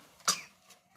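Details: Single short, sharp cough from a baby in a quiet room, followed by a faint breathy afterclick.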